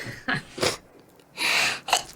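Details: Sneeze from a person who says they have chronic rhinitis, worse with the change of seasons.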